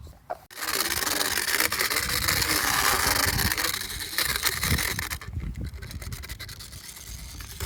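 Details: Loud grinding and rasping as a motorized power float files the cheek teeth of a 15-plus-year-old mule, working down sharp enamel points and a hook on the last lower tooth during routine dental floating.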